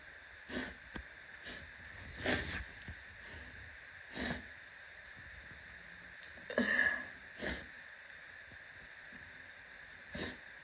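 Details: Repeated sneezing and sniffling with a runny nose, heavy enough to soak the shirt and hands: repeated sniffs and several short, sharp nasal bursts over a faint room hum.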